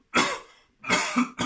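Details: Deliberate, imitated cough from an adult, done as an abdominal exercise: two forceful, dry coughs and the start of a third.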